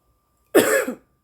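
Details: Woman smoking cannabis: a single short, harsh cough while smoking.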